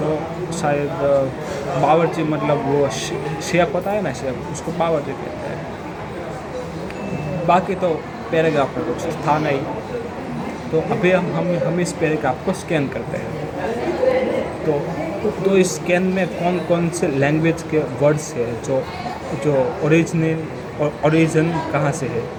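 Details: Adult man who stammers, on day 68 of daily practice, reading a Hindi paragraph aloud; stuttering.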